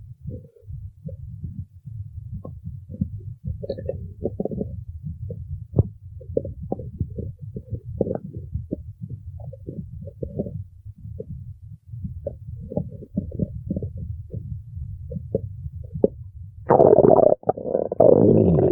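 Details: Stomach growling (borborygmi), suspected hunger: rapid low gurgling and rumbling pulses through most of the clip, ending in louder rustling noise.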